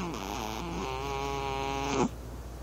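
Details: A cat in deep sleep on a lap, never heard snoring before: a drawn-out, nasal, tonal buzzing breath sound that ends abruptly; snoring.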